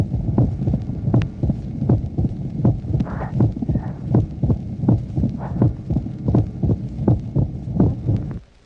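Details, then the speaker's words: Mitral stenosis on a 1966 teaching recording: loud first heart sound, an opening snap, and a low diastolic rumble heard best in late diastole. "Tracé numéro 23. Sténose mitrale, éclat du premier bruit, claquement d'ouverture, roulement diastolique surtout bien perçu en fin de diastole."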